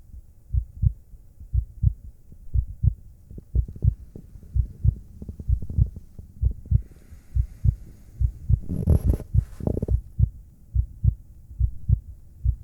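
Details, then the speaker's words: Regular paired low thumps of an adult heartbeat heard through a stethoscope at about 60 beats a minute, from an ASMR sleep-clinic doctor exam role play. "maybe you like to hear my heartbeat all right that sounds like fun so here you go"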